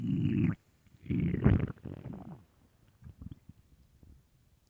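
Low gurgling rumbles in bursts with quieter bubbling after; ordinary stomach growling from gas and fluid moving through the gut.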